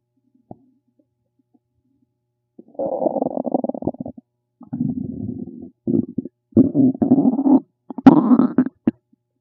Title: RUMBLING STOMACH NOISES #stomachnoises #stomachsounds #stomachrumbling #stomach #guts